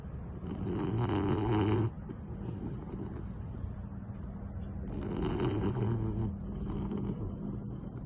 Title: Victorian Bulldog Snoring Is the BEST Sound Ever! 😂🐶 #Shorts #VictorianBulldog #BulldogSnoring